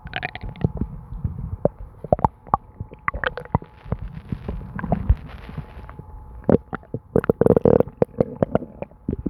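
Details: Continuous stomach gurgling and bubbling noises, or borborygmi.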